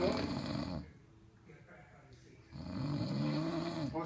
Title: snore